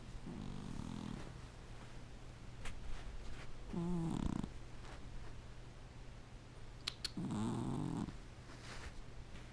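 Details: Very loud snoring: rough, low-pitched snores with a rattling, fluttering quality, three over about nine seconds, against steady room hum.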